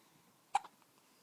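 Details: Infant lying in bed after her morning feed with hard hiccups: a single sharp, abrupt hiccup in a quiet room; ordinary infant hiccups after feeding.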